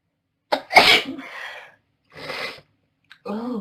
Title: Girl Hayfever sneezing